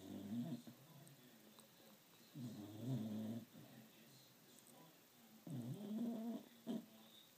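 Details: Dog asleep snoring: three low, rattling snores at about 22 a minute separated by quiet breathing.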